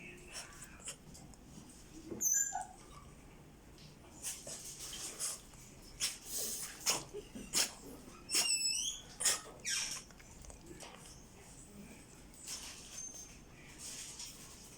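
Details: Sleeping French Bulldog puppy snoring: soft, hissing snuffles and occasional squeaky whistles with each breath, typical flat-faced dog snoring.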